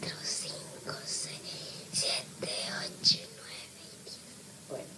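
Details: 10-year-old girl with 2 months of whispered voice, previously treated as laryngitis with antibiotics and corticosteroids without improvement, triggered by emotional stress over her parents' separation, recorded at initial evaluation before treatment: psychogenic aphonia.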